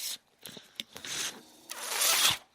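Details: Speaker's own home mechanical ventilator heard during a podcast recording: short bursts of rasping, hissing airflow in a pause between speech; mechanical ventilator sound.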